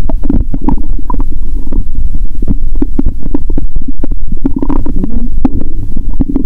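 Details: Stethoscope on own stomach after eating Mentos and drinking cola following a fast of over 15 hours: loud, frequent low gurgling and rapid bubbling pops, bowel sounds with gas bubbling.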